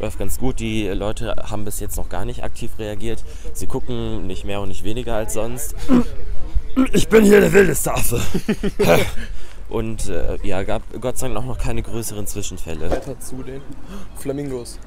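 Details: Young man with a strong form of Tourette syndrome; vocal tics, including shouted out-of-context words, attempt to imitate zoo animals: vocal tics (Tourette syndrome).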